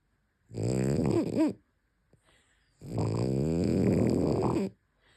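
Two long, loud snoring breaths with a squeaky, whistling edge, separated by a short pause: snoring in a flat-faced dog.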